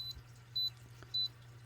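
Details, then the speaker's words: Pulse oximeter beeping with each pulse, from a comparison of CMS 500DL Generation 2 and Wellue Bluetooth PC-60FW fingertip units: short high-pitched beeps about every 0.6 seconds, near 100 a minute. "you can turn off the beeps and all that other kind of stuff in the settings so I just have this line to show you what they're like"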